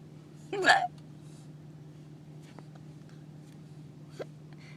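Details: A person sitting in a car with hiccups: one sudden, voiced hiccup, then a much fainter one a few seconds later, over quiet background noise.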